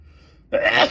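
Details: Person with an itchy, tickling nose sneezing: a quiet pause, then a sudden loud burst of air; a single sneeze.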